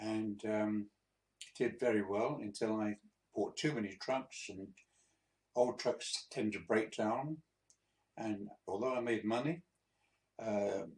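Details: 82-year-old man, a few months after a mini stroke, in speech recovery; hesitant, non-fluent speech; the finding is non-fluent speech after a mini stroke.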